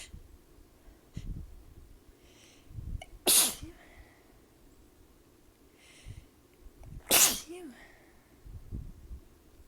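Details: An adult sneezing from allergies and sudden temperature changes after a shower, cold air and a fan: two sharp, explosive sneezes about four seconds apart, each with a quick breath before, over quiet room noise.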